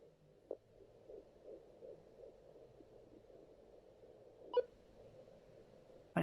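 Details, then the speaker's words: Faint, rapid, rhythmic whooshing fetal heartbeat picked up at home with a handheld Doppler in a pregnancy after loss; heartbeat findable since about 11–12 weeks. "I've been able to get the heartbeat since about, I want to say 11 weeks, maybe 11, 12 weeks."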